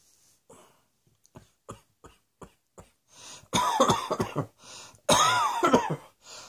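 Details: Adult, acted coughing: several soft coughs and throat clears, then two loud, harsh coughing bursts.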